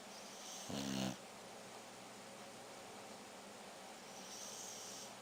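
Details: Sleeping beagle on a bed: a single loud, buzzing snore over steady room hiss; snoring.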